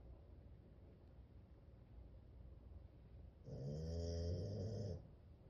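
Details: Sidney, a pet in deep sleep, breathes quietly, then gives one loud, rattling snore; snoring.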